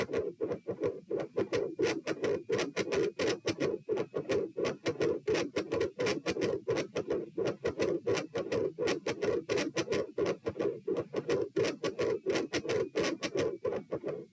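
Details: Recorded at position P, patient supine, 90 bpm: regular heartbeat with a loud rushing mid-systolic murmur that gets louder and swells and fades in phases: mid-systolic murmur.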